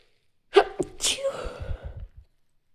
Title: stifle sneezing